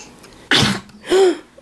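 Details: Single sneeze, a sharp noisy burst followed by a brief voiced after-sound; a baby's mishap involving a forehead and a table.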